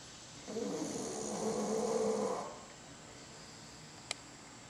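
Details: Bulldog snoring after a workout: one long, rough, buzzing breath with a fluttering tone, then quiet and a single click. Loud snoring in a flat-faced dog.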